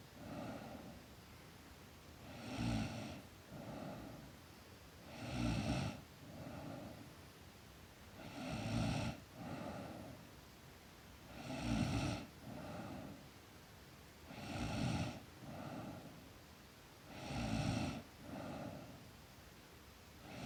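Soft, regular snoring on each breath in and a quieter breath out, about 10 breaths a minute, in a quiet room.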